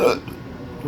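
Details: A single sharp, brief vocal catch, then quiet room noise, a hiccup in a person with persistent intractable hiccups since 2015, alongside breathing and choking spasms; cause undiagnosed.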